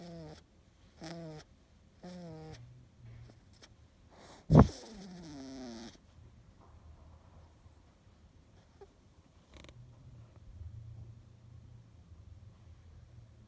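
Low rumbling breaths with a few squeaky nasal whistles during sleep, then softer breathing noise: a cat snoring.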